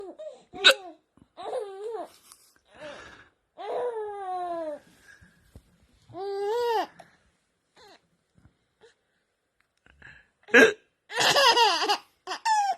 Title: BEST BABY LAUGH WHEN DADDY HAVING HICCUP #Shorts